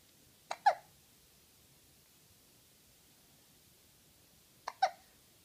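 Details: Tommy's sudden hiccups: two sharp, abrupt hiccup sounds about four seconds apart, each a quick catch of breath with a brief click, in a quiet room.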